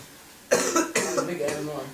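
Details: Short run of harsh, loose coughs with voice mixed in, from a youth who says he is 15 while being told to stop smoking; he denies smoking.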